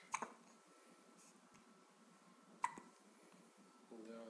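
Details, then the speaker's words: Infant hiccupping just after feeding: two soft, sudden catch sounds a few seconds apart in a quiet room, then a brief baby vocal sound; hiccups. "Ой мы икаем ще икаем Мы покушали только что достаточно"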